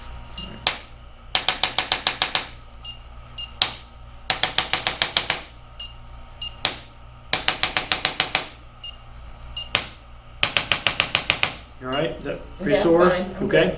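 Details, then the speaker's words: Chiropractic adjusting instrument used gently on the coccyx of a patient with intense tailbone and lower back pain: rapid bursts of sharp mechanical clicks, with brief speech at the end. "just a little little a little clicking just a way to help adjust the bones a little bit without is you know very concentrated area"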